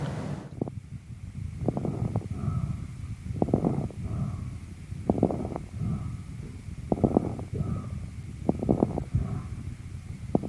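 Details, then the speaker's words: Child with pneumonia, stethoscope over the affected lung area: rapid breathing with bursts of fine crackles on each breath. "При подозрении на пневмонию требуется проведение рентгенографии грудной клетки. Давайте прослушаем аускультативную картину над поражённым участком при пневмонии."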